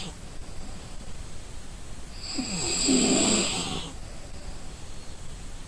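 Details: Exhausted person sleeping, one loud, harsh snore rising and fading over about 1.5 seconds with a hissy edge, against steady background hiss: snoring.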